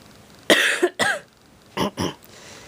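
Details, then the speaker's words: Adult's allergic chest cough from ragweed hay fever, not a cold, which improves with Benadryl: four forceful, harsh coughs in two pairs. "But anyway, that's my cough. And it sounds horrendous, but I'm really not dying or anything."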